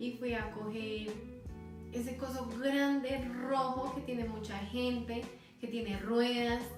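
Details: Acted demonstration: Spanish-speaking woman, fluent speech with circumlocutions and filler words replacing a name she cannot retrieve; anomic aphasia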